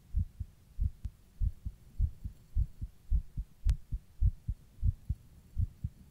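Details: Steady paired low thumps at about 107 beats a minute, somewhat fast, recorded while rebreathing into a plastic bag; heartbeat.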